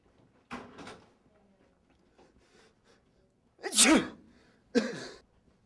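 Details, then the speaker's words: A simulated, acted sneeze for a flu-prevention message: a breathy wind-up, then a loud burst and a second sneeze, in a quiet room. "it can all start with a sneeze"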